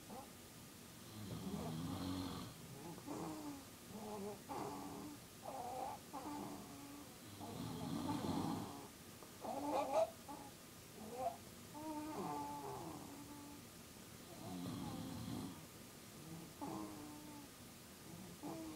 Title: Snoring lessons at 2AM